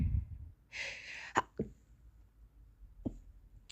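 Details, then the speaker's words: A girl with a cold who is a little allergic to house dust, trying to stifle her sneezes: a breathy intake, then a stifled hissing burst and a few short snorts, a suppressed sneeze. "I'm going to try to sneeze um I hope you like it also I'm going to try stiffling my sneezes so yeah"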